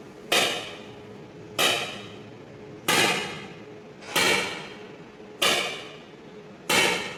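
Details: ESWL lithotripsy of a patient's left kidney stone, stone focused with C-arm, fluid-filled membrane transmitting vibration: sharp knocking shots about every 1.3 seconds, 47 a minute, each with short ringing tail; lithotripsy shock waves.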